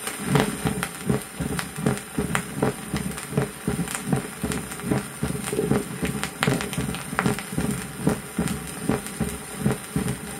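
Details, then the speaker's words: 1959 Soviet 78 rpm teaching record of mitral stenosis: short crescendo presystolic diastolic murmur, heard best at the start and end of diastole, ending in a loud, snapping (flapping) first heart sound. "прослушайте диастолический шум при сужении левого атриовентрикулярного отверстия он лучше всего слышен в начале и в конце диастолы то есть пресистолический шум короткий нарастающий заканчивающийся первым хлопающий"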